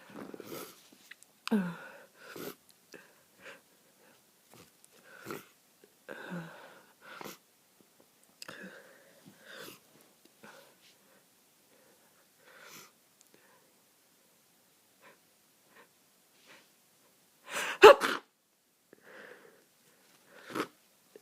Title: Big snotty sick sneezes